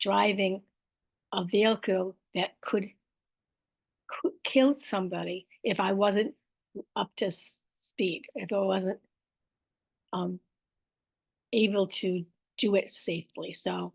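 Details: Aphasia with apraxia of speech, plus dysarthria, in an adult woman after a stroke about five years earlier.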